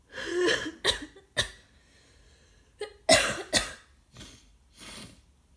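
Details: Person with a cold, after a sore throat and stuffy nose, also sneezing and sniffling: about seven harsh, irregular cough bursts in clusters, some with throat clearing and noisy breaths between; wet-sounding cough.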